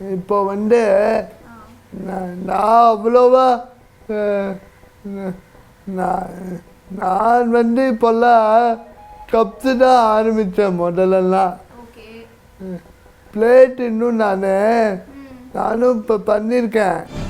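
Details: Man, one of twin brothers with cerebral palsy who have lost 90% of body function; dysarthric speech in cerebral palsy.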